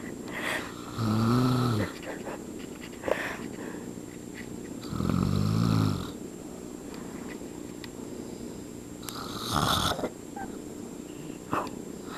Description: My step-dad snoring...STILL!